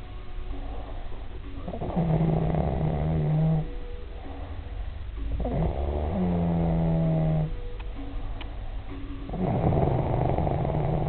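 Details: Adult man asleep: low, rumbling, buzzing snores on the in-breath, three over about eleven seconds, with quiet pauses between; snoring.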